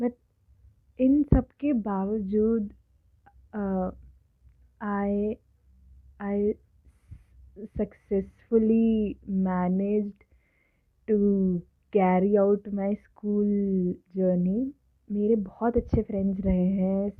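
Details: Adult woman who has stammered since early childhood, speaking Hindi/English; stuttering.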